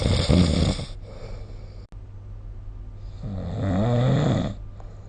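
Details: Snoring during sleep recorded with the SnoreLab phone app: two loud, rough, fluttering snores in a quiet room, each lasting over a second with a pause between.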